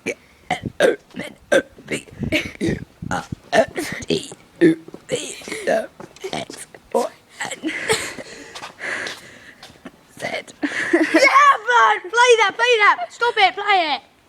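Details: Deliberate belching of the alphabet: a rapid series of voluntary belches shaped into recited letters; harmless burping trick.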